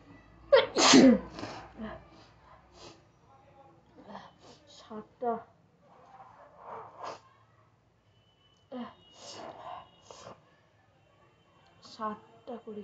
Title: Nose Sneezing Challenge🤧// Tranding Video//